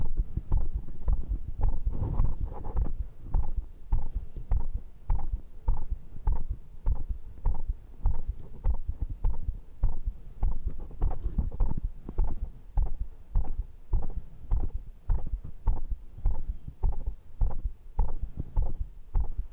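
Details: Heartbeat recorded close to the chest after a strength-training round of dips, abdominal exercises, diagonal pull-ups and arm curls, stated rate 122; fast, regular beats; normal raised heart rate after exercise.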